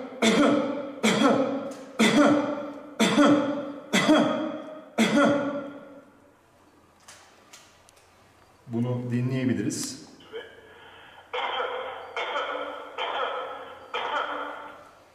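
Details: An adult gives deliberate, strongly voiced coughs, about one per second, recorded on a phone into an AI app screening for COVID-19 from cough sounds; the analysis returned negative.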